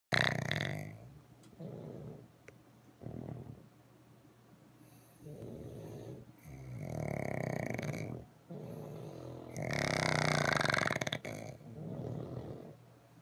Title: Three little snoring pugs